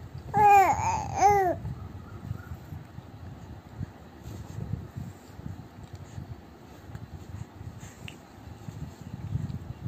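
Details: 3-month-old baby "talking" to mother: two drawn-out, sing-song coos, then quiet room sounds; normal early infant cooing as a developmental milestone.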